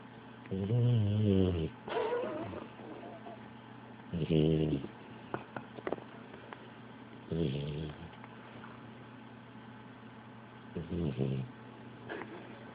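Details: Snoring: slow, irregular, about 19 rough rattling breaths a minute over a steady background hum.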